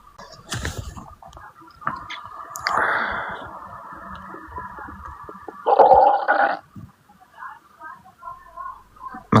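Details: Male stomach growling (borborygmi): low gurgling, rumbling sounds that rise and fade over several seconds.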